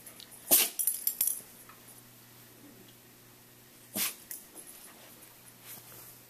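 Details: Dog sneezing repeatedly, which the owner says always starts when it rains.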